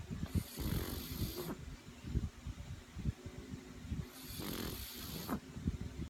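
Two long, rough, rattling breaths about four seconds apart, roughly 15 breaths a minute, over a low background rumble: snoring.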